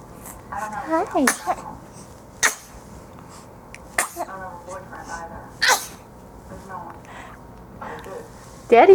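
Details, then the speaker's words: Three sharp, explosive sneezes from a male, with voices in between. "finally got his sneeze recorded"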